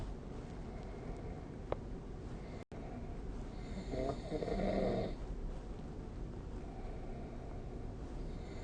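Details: Snoring during sleep, recorded with the SnoreLab app: a single rough, rattling snore on an in-breath against a steady low room hiss.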